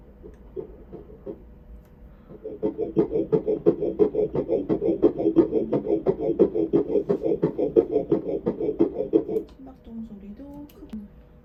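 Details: Early fetal heartbeat on ultrasound Doppler at about 7–9 weeks of pregnancy, fetus about 1.5 cm, mother with severe morning sickness: rapid, regular whooshing pulses near 176 beats a minute; finding: fetal heartbeat.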